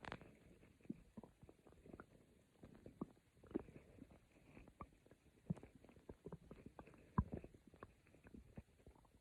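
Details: Quiet, soft, irregular stomach growling (borborygmi) with gentle gurgles and low rumbling clicks, recorded by the person themselves as calming sound for sleep.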